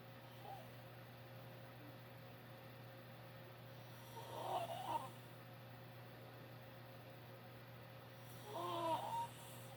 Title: My dad snoring loud